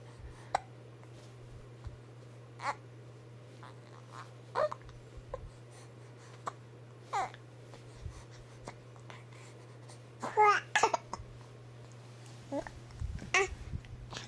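Brief, abrupt gulping catches recur every couple of seconds over a steady room hum. These are hiccups.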